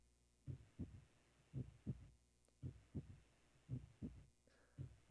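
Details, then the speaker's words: Example heart recording played in a biology class: slow, regular paired heartbeats near 56 a minute with a very faint extra third heart sound after each pair, described as indicating a valve problem. "entend un tout petit troisième son, et ça, c'est une indication qu'il y a un problème avec une valvule."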